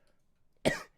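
A single short, forceful cough from an adult, rising suddenly out of near silence.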